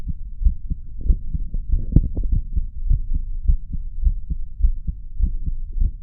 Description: Nice relaxed heartbeat today 😀